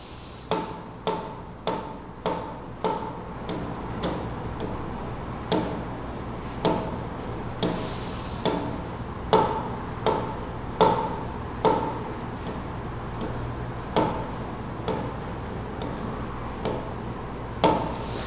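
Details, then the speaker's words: Imitated pulse in respiratory sinus arrhythmia: tapped beats speed up and slow down in waves, in step with breathing and visible chest expansion; pulse rhythm follows respiration, a normal finding. "Lo que trato de mostrarles es que hay un acompasamiento entre el ritmo respiratorio y el ritmo del pulso."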